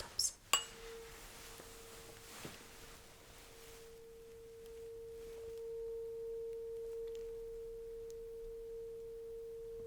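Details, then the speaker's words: Weber hearing test in a simulated ASMR cranial nerve exam roleplay: struck tuning fork placed on the top-middle of the head, steady pure mid-pitched hum in a quiet room. "Now, I will put this turn fork right on top of your head somewhere in the middle. And we'll also let me know if you can actually feel the vibration and the sounds trickling on both sides."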